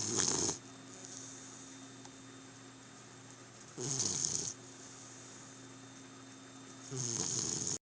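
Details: Pet snoring heard every night: loud, rattling, hissing snores recurring every few seconds over steady room hum from a sleeping pet; snoring.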